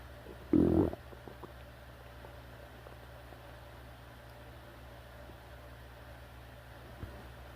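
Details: One brief low gurgling rumble, then quiet room noise; ordinary stomach growling (borborygmi).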